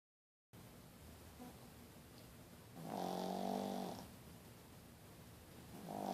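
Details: Rescued Pekingese dog (female) from an animal shelter, comfortable and sleeping, snoring. Snoring.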